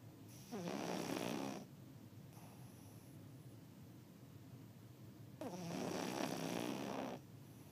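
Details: Sleeping dog: two long, rattling, fluttering snores on the in-breath several seconds apart, with quiet breathing between; snoring.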